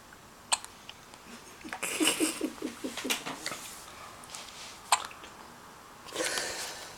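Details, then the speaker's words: Baby girl with hiccups, her whole body jumping with each: brief sharp hiccup clicks a few seconds apart, with a short burst of small vocal sounds between them. "You miss a hiccup. You never get these days again, do you? No, I know. I'll send this to Natalie. Her whole body jumps."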